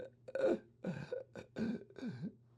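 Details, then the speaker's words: Simulated segmented inspiration of respiratory dystonia, mimicked and deliberately exaggerated by a clinician: a choppy in-breath broken into about five short voiced gasps, with spasms cutting the inspiratory flow. "so the rather than a smooth inspir inspiration that's cut into little pieces by these spasms that are segmenting the inspiratory flow"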